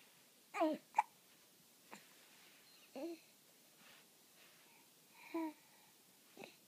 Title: with hiccups